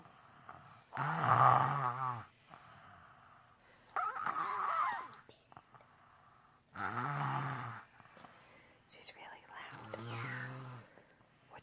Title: The wise 5: when your 4 yrs old daughter snores louder than u